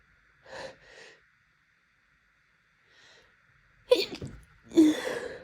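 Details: Allergic sneezing fit: catching breaths and a gasping buildup with itchiness end in two forceful sneezes. These fits have come every night for the past week during allergy season and last for hours until Benadryl is taken.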